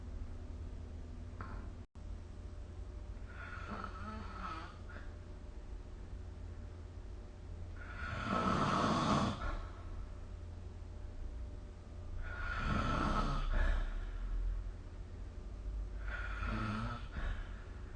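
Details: Snoring recorded with the SnoreLab app: three loud, rough snores about four seconds apart, roughly 15 a minute, over a steady low room hum.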